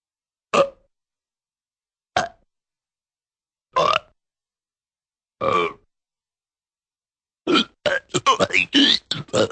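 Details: Sound-effect recording of four separate short belches, then a fast run of several more in quick succession; burping.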